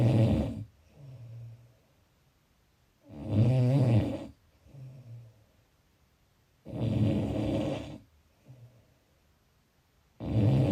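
Loud, rattling snores on each in-breath with quieter out-breaths, about 17 breaths a minute: ordinary snoring.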